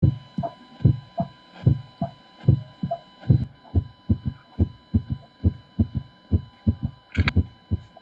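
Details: Heart murmur example from a physical-examination teaching demonstration on an adult cardiac patient: a regular heartbeat near 73 a minute with a soft added noise between the beats.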